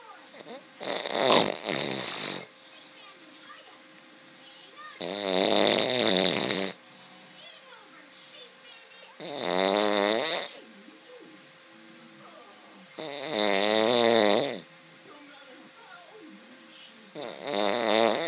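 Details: Loud, regular buzzing snores with a wavering pitch, about every four seconds (roughly 15 breaths a minute), with quiet breathing between; snoring.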